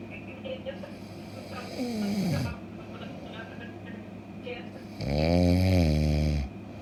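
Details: Snoring with a low rumbling snore on the breath in and a second loud droning snore over steady room hum.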